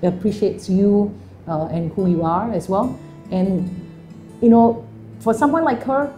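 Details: Adult speaker with background music; ordinary speech.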